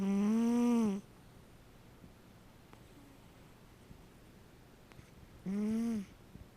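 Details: Sleeping cat snoring: two loud, tonal, whistling snores about five seconds apart, with quiet breathing between.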